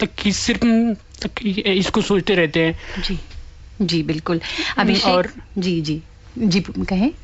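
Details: Adult woman speaking Hindi; typical speech.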